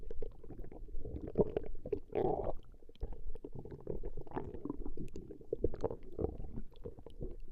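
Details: Recording of a woman's stomach growling: continuous low gurgling and bubbling rumbles with irregular louder bursts, ordinary digestive sounds; borborygmi.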